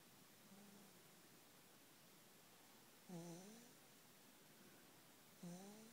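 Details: Snoring in the middle of the night: low, rough, buzzing sounds on breathing in, repeating every couple of seconds over quiet room noise.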